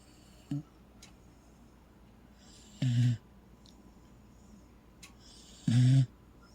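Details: Corgi fast asleep under a cover: two low, rumbling snores about three seconds apart in a quiet room, with faint breathing between them; dog snoring.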